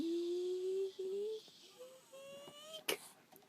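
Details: Dog whines, then gives one quick sharp sneeze performed on command as a trick for a treat.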